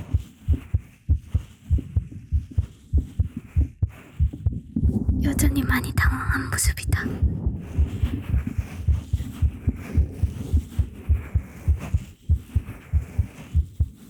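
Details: ASMR roleplay recording with steady low heartbeat thumps at about 98 a minute, brief whispered speech and rustling over it; heartbeat.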